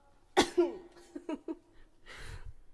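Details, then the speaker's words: A single sharp, explosive sneeze from a young Japanese woman during a livestream with repeated uncontrollable sneezing, attributed to dog hair in the nose, followed by brief voiced sounds and an outbreath. "マジくしゃみ止まらない。"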